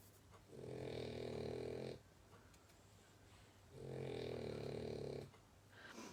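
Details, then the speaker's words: Heavy snoring from a sleeping female French bulldog: two long, loud, rattling, buzzy breaths about three seconds apart, with quiet gaps between. "They do this when I'm watching the telly, and I have to have the sound up because otherwise I can't hear the telly for the dog snoring."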